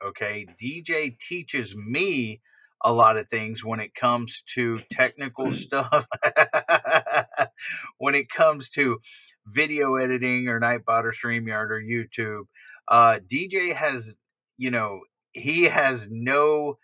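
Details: Adult male speaker; ordinary speech.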